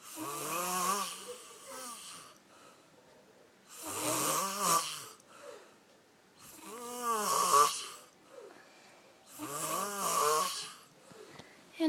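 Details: Adult man snoring in sleep before waking up; four loud, voiced, rattling snores at regular intervals, about 20 a minute, with quiet exhalations between.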